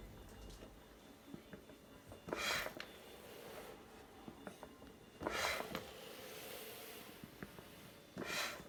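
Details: Homemade mechanical ventilator prototype, running 60 hours straight, last 10 hours on a battery pack: regular hissing rushes of air about every three seconds, roughly 20 breaths a minute: ventilator cycling.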